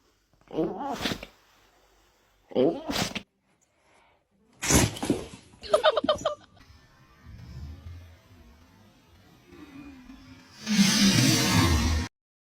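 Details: Dog sneezing: four short, sharp nasal bursts, then a longer noisy snort, with faint room noise in between. Sneezing.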